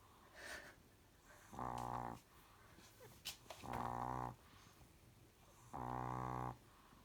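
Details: Chihuahua mother dog, lying with her pups, snoring: buzzing, rattling snores repeating about every two seconds over faint room noise.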